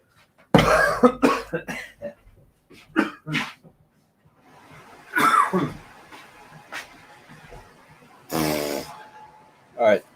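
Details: Adult coughing in repeated harsh bursts with throat-clearing and a gasp after inhaling dust while cleaning an overheating iMac, then catching breath.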